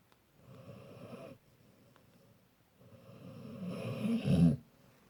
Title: Snoring labrador and his dad